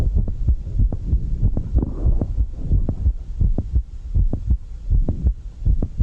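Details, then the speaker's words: Heart sounds at about 80 a minute with a sharp extra click in systole; its timing shifts as the patient alternates squatting, sometimes with regurgitation after the click: mid-systolic click of mitral valve prolapse. "es a esta manipulación de tiempo clic y de vez en cuando la aceleración de regurgitación tras el clic lo que asegura el diagnóstico"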